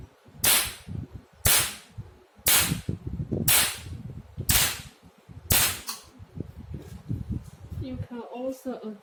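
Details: 1064 nm laser handpiece of a multifunctional OPT/RF laser machine (LS-C6) used for pigment removal, test-fired before treatment: six sharp snapping cracks about a second apart, then quieter clicks and room noise.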